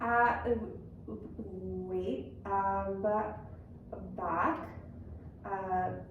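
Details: Acted 55-year-old right-handed woman with global aphasia after an intracerebral hemorrhage causing extensive left-hemisphere cortical damage in the middle cerebral artery territory, giving hesitant, minimal output; finding: global aphasia (acted).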